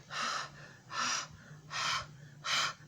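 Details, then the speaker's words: Simulated gasping: an adult imitates four sharp, noisy breaths in, each about half a second, as made in pain, surprise or shock, or after extreme crying. "so whenever we are we are in pain or uh when we are when we have seen something uh which which is very surprised for us so like this no and sometimes if we are in a shock"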